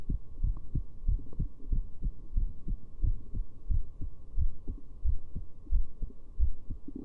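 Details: Heartbeat recorded with a heart rate display; steady, regular low thumping at about 90 beats a minute with a faint steady hum underneath.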